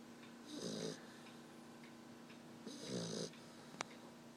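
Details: Black Labrador puppy, exhausted after the day, snoring asleep: two soft, rattling snores in quiet room noise, each lasting about half a second.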